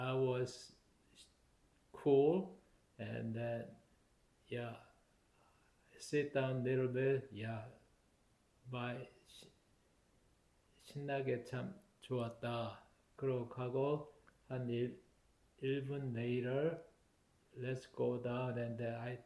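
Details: Adult man with aphasia due to stroke, with trouble speaking and collecting his thoughts and needing extra time to respond; reportedly takes blood thinners; aphasia.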